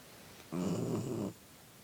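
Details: A single low, rough, rattling snore lasting under a second from a sleeping puppy that started snoring again after its lip was touched and taped.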